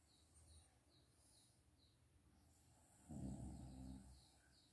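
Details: Snoring from a mother napping during the daytime: a single low, rumbling snore lasting about a second after a quiet stretch, with birds chirping in the background.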